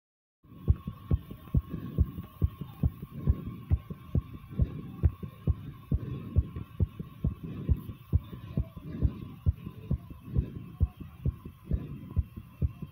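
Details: The recorder's own heartbeat, thumping fast: strong, regular beats at about 136 per minute over a steady low hum.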